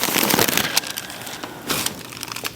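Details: Sharp crackling pops during a chiropractic low-back adjustment given as the patient exhales after deep breaths, part of a full-body adjustment; harmless joint cavitation, with soft room noise.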